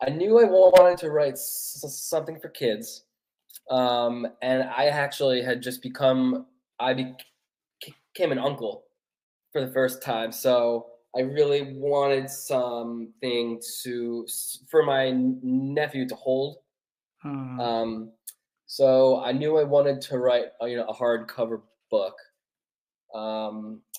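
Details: Adult man who has stuttered since childhood, a neurological condition he says is worsened mostly by nerves, speaking English; stuttering.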